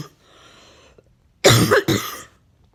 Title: Coughing me